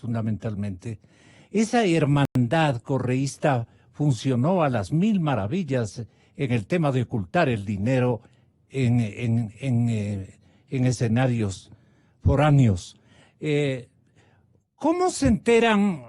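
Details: Adult male speaker; normal voice.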